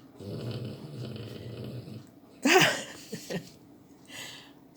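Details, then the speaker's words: Dog sleeping very close to the microphone snoring loudly: a low, rattling rumble of nearly two seconds, then a sharper noisy burst and a softer breath; snoring. "ต้องขอประทานอภัยด้วยนะคะคลิปนี้จะได้ยินเสียงกรนของลูกน้องลาแรงมากไหมคะเขานอนอยู่ใกล้มากเลยค่ะ"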